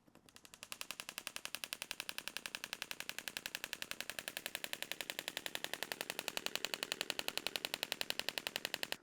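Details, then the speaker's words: Rapid, regular sharp clicking pulses from a radial shockwave therapy device in clinic, worked around the Achilles tendon to its lateral side, steady throughout with quiet room background. "So after I finish the shock wave, what I might then go in to do is I might treat the plant fascia."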